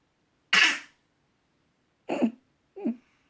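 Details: 8-month-old baby boy's voluntary fake cough in the early morning to get his mother's attention; three short, light coughs, the last almost voiced, harmless attention-seeking.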